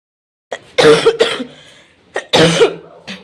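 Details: Two harsh, throaty coughs, each a burst with a brief follow-on; an ordinary cough.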